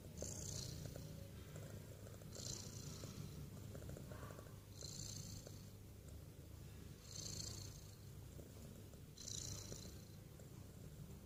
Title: Hilarious cat snoring awake